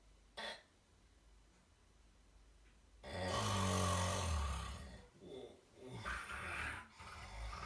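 One long, rough, rattling snore on a breath in, followed by quieter breathing noise in a small room.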